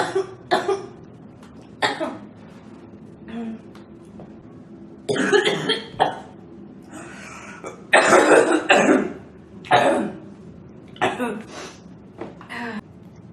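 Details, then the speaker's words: Girl with repeated short dry coughs in irregular bursts of one to three, mixed with throat clearing and snorting; she says the coughing makes her feel hot and that it is hard to breathe. "All this coughing is [clears throat] making it really hot and hard to breathe."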